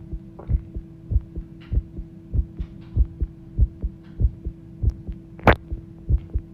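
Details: Fast, brisk heartbeat recorded as the heart began pounding: regular, thudding lub-dub sounds at about 97 beats a minute over a steady low hum, with one brief click.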